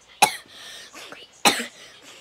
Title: Sorry I was coughing I’m sick